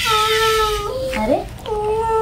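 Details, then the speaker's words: Baby girl crying in sustained tonal wails, with a brief pause and a higher rising cry before the wail resumes. "अभी अफसोस हुआ हुआ है कि बच्ची रो रही"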